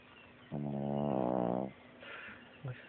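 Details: Sleeping puppy snoring: a single drawn-out, buzzing, slightly tonal snore followed by quiet breathing.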